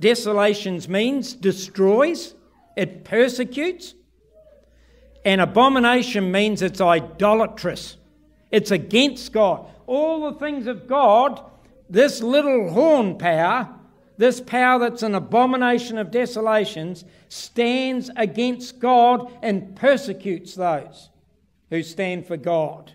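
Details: Adult man; typical speech.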